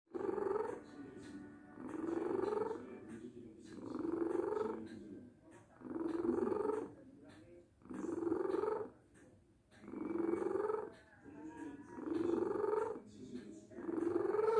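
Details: Soft, rhythmic rasping snoring on each breath, about 34 a minute, with short pauses; a deaf cat sleeping soundly.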